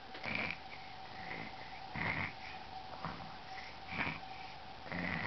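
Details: Snoring from a male who does this when told to sleep: rhythmic snorting snores about every two seconds over a steady background hum.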